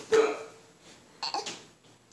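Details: Seven-month-old baby with a few abrupt, sharp little catches of breath in a quiet room: infant hiccups.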